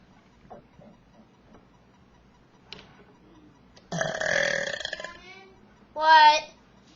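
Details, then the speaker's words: A long, loud, rumbling belch, then a shorter voiced one, after quiet room sounds; deliberate burping. "Hey guys, I'm just going to try to make really big burps, like bigger burps than the last video."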